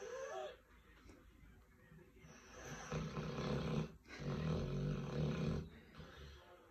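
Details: 6-month-old cane corso puppy, asleep indoors after a long day of socialization, makes long, rough, rattling breath sounds with a brief pause between; snoring.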